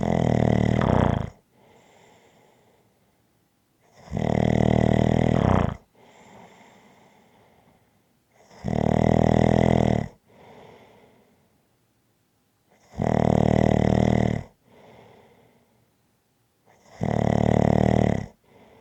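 Loud, rattling snores on each in-breath with quieter out-breaths, about 14 breaths a minute, steady and regular: ordinary snoring.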